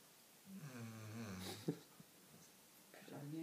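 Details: Sleeping dog snoring like a human, with soft, rumbling, buzzing breath sounds.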